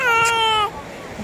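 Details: A baby girl at the beach, scared of the water, gives a single sustained, slightly falling wail, cut off abruptly, with surf noise behind; infant cry.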